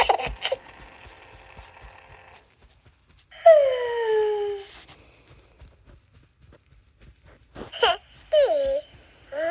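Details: Short recorded baby cries and coos with falling pitch, separated by pauses and clicks, played by a toy doll that also drinks, wets, snores and talks; simulated infant cry, not a real baby.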